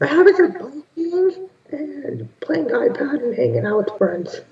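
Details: Teenage boy with a persistent high-pitched voice after puberty, recorded before therapy; puberphonia.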